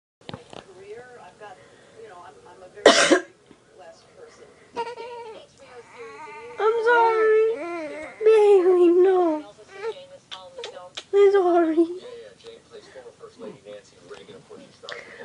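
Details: Person coughing while sick, and Bay jumps and startles at each cough, as has happened many times before; cough.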